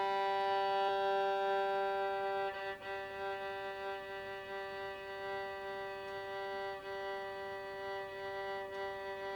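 Sustained violin notes with a fine, regular wavering of about six per second, a Parkinsonian resting tremor carried into the tone.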